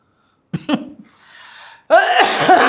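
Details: Adult man with a shoulder injury (frozen shoulder), pain for about three weeks and since 1998, during a manual shoulder treatment session: two short throat-clearing coughs, a breathy exhale, then a burst of voice; ordinary brief cough.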